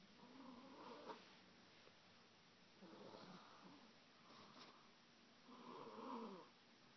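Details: A 21-month-old child asleep after reading a favourite book: soft, rhythmic snoring with a light purring quality, about three breath cycles over several seconds; ordinary infant snoring.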